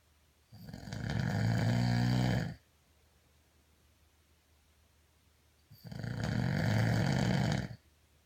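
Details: Person snoring during sleep: two long, low, rattling snores, each about two seconds, separated by quiet exhalation pauses; ordinary loud snoring.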